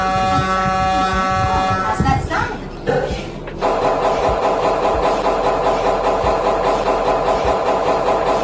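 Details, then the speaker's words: Loud buzzing tones, a brief pause, then continuous harsh rapid hammering from an MRI scanner's gradient coils, loud enough that entering without earplugs may harm hearing. "यह sound इतना disturbing लग सकता है कि बिना year plugs के अंदर जाना आपके कानों को नुकसान कर सकता है। तो यह आवाज कहां से आती है और क्यों?"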